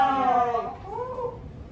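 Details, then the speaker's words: Newborn's brief strong wailing cry immediately after a normal vaginal delivery, fading out; the baby cried right away. "O ayan baby mo oh. Baby mo ayun na umiyak agad."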